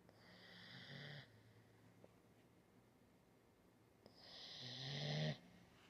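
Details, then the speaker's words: Female golden retriever sleeping just after a bath: two slow breaths with a low rumbling flutter and hissing edge, separated by a quiet pause; dog snoring. "roncando. Chegou do banho. Tá roncando, gente."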